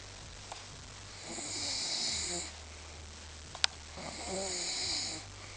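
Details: Two hissing, airy snores with a softer fluttering tail, evenly spaced with quiet gaps; snoring during sleep.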